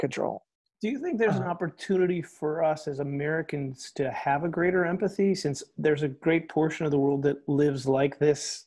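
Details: Adult male speaker; normal speech.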